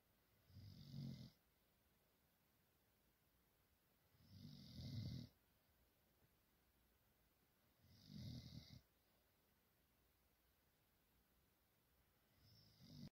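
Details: Dog snoring while asleep after a tiring day (he sometimes howls in his sleep): low rumbling snores on each in-breath, about 15 a minute, with quiet pauses between.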